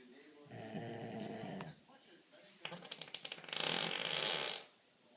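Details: A man snoring: a low rumbling inhaled snore, a fluttering snort, then a loud hissing breath out; typical snoring.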